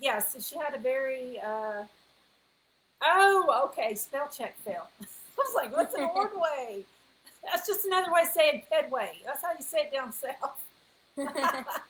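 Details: Adult woman speaking; ordinary speech.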